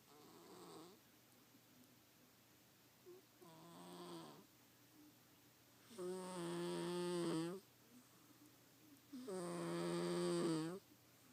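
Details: Four rumbling, voiced snores at irregular intervals, the later ones louder and longer, in a quiet room; ordinary snoring.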